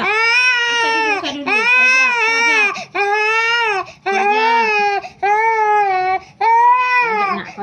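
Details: Infant crying during traditional baby massage: loud, sustained wails of about a second each with short breaths between; a strong, clear cry.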